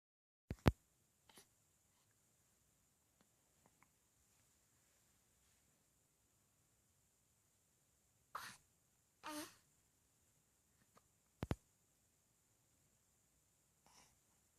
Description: Precious baby hiccups.